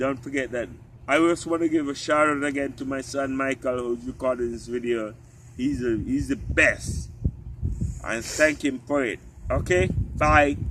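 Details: Ataxic dysarthria in an adult man with genetic spinocerebellar ataxia type 3, which affects the cerebellum, walking, talking and swallowing; his father had it and died from it.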